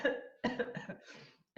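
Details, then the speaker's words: Voluntary dry cough from an adult with a slightly dry throat, recorded on a phone to test a COVID-19 cough-screening app: a short series of deliberate, dry coughs with no rattle or wet sound. "it's all good well I'm all good here except they have a little dry throat I'm actually just testing out a new application whose goal it is to be able to tell people whether or not they are Coppa 19 positive from the sound of their cough"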